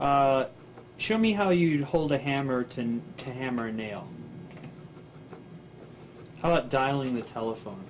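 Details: Adult examiner speaking; normal speech.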